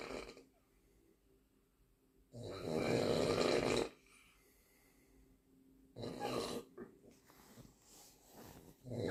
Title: Funny and really loud snoring 😂😂